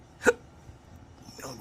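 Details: Adult man with chronic, persistent, long-lasting hiccups that physicians could not treat: a single sharp, abrupt hiccup followed by a quiet voiced sound.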